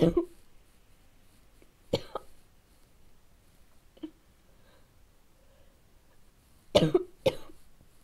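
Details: A child has a sudden coughing fit in a quiet room, with a series of harsh barking coughs separated by short pauses: bad barking cough.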